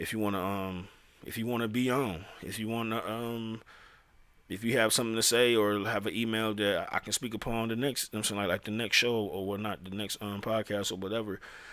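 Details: Male speaker who says he stutters, speaking with repeated phrases; stuttering.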